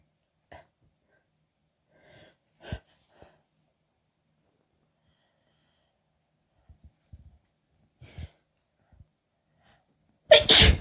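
Short catching breaths and small stifled sneezes, building to a full sneeze at the end; a hitching sneezing fit with a cold.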